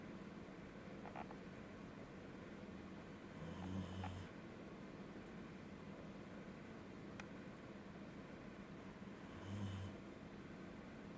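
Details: Snoring in a sleeping corgi dog; owner suspects hay fever.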